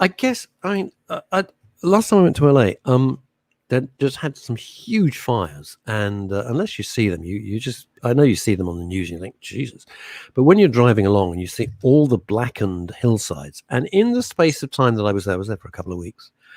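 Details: Adult man; ordinary speech.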